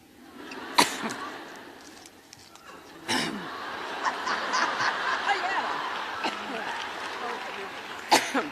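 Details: Adult woman coughing while giving a college speech: three sharp, separate cough bursts over a murmuring audience in a large room; she blames allergy, and the uploader suspects throat cancer.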